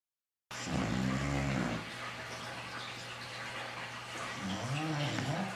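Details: Sleeping bulldog snoring loudly: rattling, pitched snores over a steady low background hum; loud snoring, which is often linked to sleep apnea in humans.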